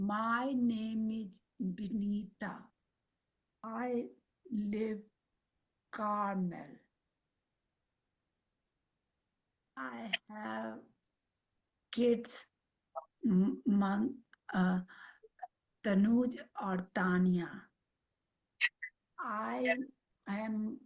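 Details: Woman, a mother, with aphasia and apraxia of speech after a stroke at age 45; speaks Marathi, Hindi and English, with words sometimes coming out mixed; aphasia with apraxia of speech.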